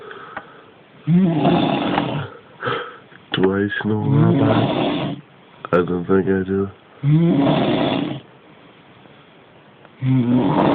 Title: Sleeping beauty snoring her head off